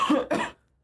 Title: Girl coughing 65